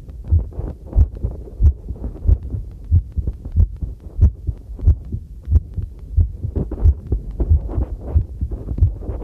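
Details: Own normal heartbeat recorded with a homemade field stethoscope microphone while doing housework: steady regular beats about 92 a minute, with faint clinking tableware and running water behind.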